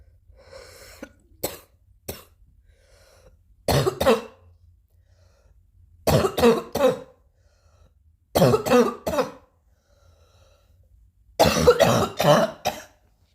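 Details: Repeated harsh coughing in bouts of two to four, about fourteen coughs, with quiet pauses between bouts.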